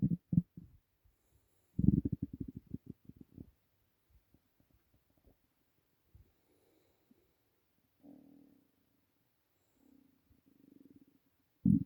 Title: Empty Stomach rumbling